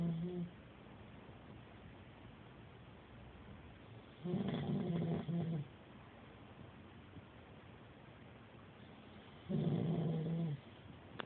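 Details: Person snoring: two low, rattling snores about five seconds apart over a steady background hiss.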